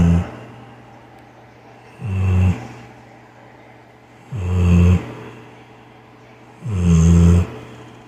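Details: Deep, loud, rattling human-like snores at about 25 a minute, each followed by a quiet outbreath, from a sleeping dog; snoring.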